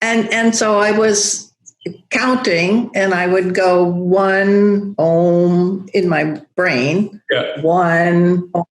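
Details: Woman, a yoga teacher, with aphasia after a stroke, recovering language through breath and the sound of OM; aphasia.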